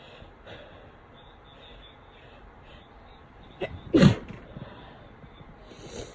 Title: Exhausted Cold Sneezes